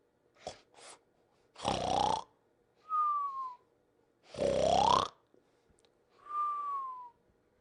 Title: The Pink Panther Snoring and Whistling (59 seconds version)